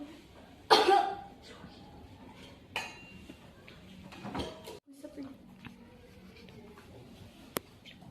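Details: Simulated nursing demonstration of effective coughing: patient helped to half-sitting, breathes in through nose and out through mouth three times, then gives a strong cough and a smaller one to clear sputum.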